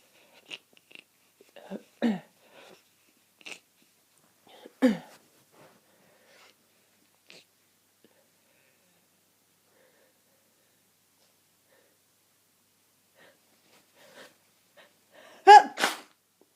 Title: Sniffs, sneezes, coughs and blows - full of the cold!